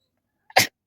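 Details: Sneeze deliberately induced with a stick in a sneezing challenge: a single sharp, explosive sneeze burst after a brief intake of breath.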